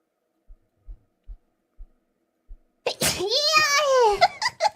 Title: Sneezes 464